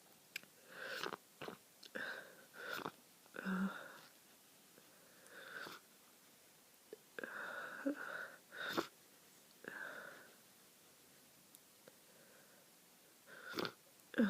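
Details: Adult with flu and heavy nasal congestion unrelieved by nose blowing: repeated sniffs, short nasal bursts and a sneeze in a quiet room.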